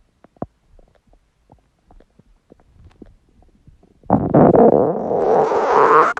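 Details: Empty stomach growling: faint scattered gurgles, then a loud, sustained rumbling gurgle; ordinary borborygmi, a normal gut sound.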